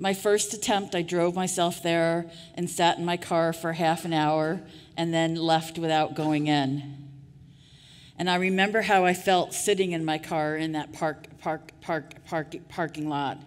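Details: Adult woman who stutters, giving a conference keynote speech; audible part-word and word repetitions; stuttering.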